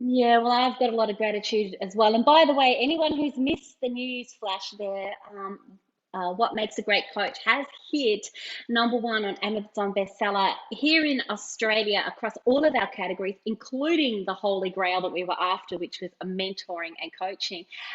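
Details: Adult woman speaking; Normal speech.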